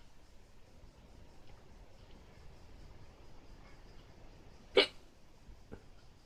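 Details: Fast hiccups: a sharp, abrupt hiccup against quiet room noise, then a fainter second catch about a second later.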